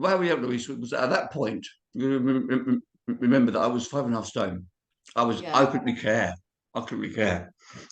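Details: Adult man of about 51–52 with cerebral palsy, also living with HIV, speaking about his own long-standing speech impediment: dysarthria due to cerebral palsy.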